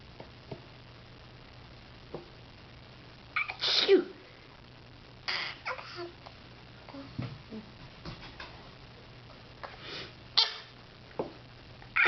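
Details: Baby who has just learned to fake a sneeze: several short, imitated sneeze-like bursts between soft babbling, not true sneezes.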